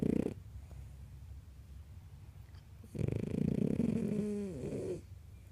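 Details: Zoe snoring: a rough, fluttering snore with a brief whistling tail, followed by quiet breathing between snores.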